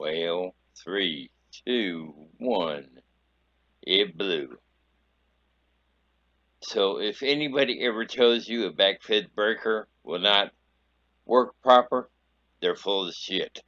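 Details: Adult male traumatic brain injury survivor, injured at age 19, three-week coma with paralysis, afterwards able to move only his left side; dysarthria after traumatic brain injury.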